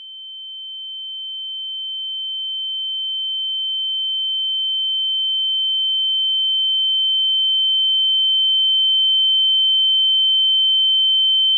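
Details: Simulated tinnitus sound effect: steady high-pitched pure tone, slowly getting louder, imitating ringing in the ears.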